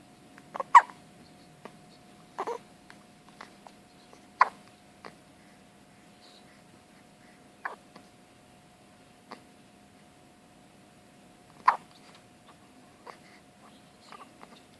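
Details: One-day-old newborn with hiccups: small, abrupt hiccup sounds every couple of seconds with a few longer pauses, over a steady faint hum.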